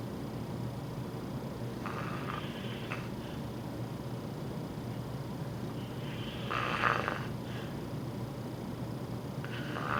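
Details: Snoring in obstructive sleep apnea.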